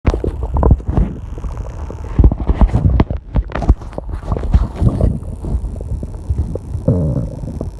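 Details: Stomach growling during online testing: continuous low gurgling and rumbling from the belly in a quiet room with loud clock ticking and air-conditioner hum; ordinary borborygmi.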